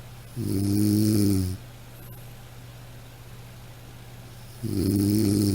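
Two loud, droning snores on inhalation about four seconds apart, with quiet exhalation between; typical snoring, from a sound-effect recording.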